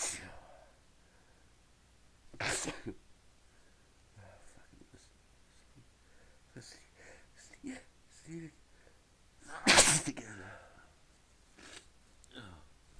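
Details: Stifled sneeze from a person in a sneezing fit who is trying to keep it quiet and says they can't stop: several short muffled bursts with faint breaths between, one louder.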